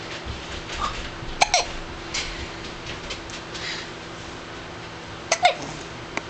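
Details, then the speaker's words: Infant about 4 weeks old: two sharp, abrupt little catches a few seconds apart over steady room hiss; a barking dog did not stop them; hiccups. "has the hiccups. Poor thing."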